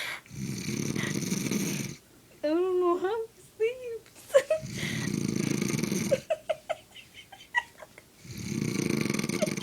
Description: My Babe was sleeping but I couldn't help record him bc he was snoring so loud.